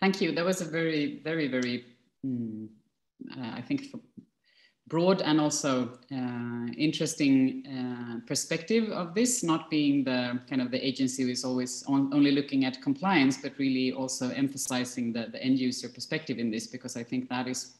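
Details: Adult speaker; Normal speech.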